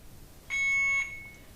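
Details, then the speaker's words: Alaris IV infusion pump programmed at 999 ml per hour: a single loud, shrill half-second beep in a quiet room; alarm that the rate exceeds the 500 ml per hour guardrail limit. "press start here it says here rate exceeds guard rail limit of 500 mil an hour proceed"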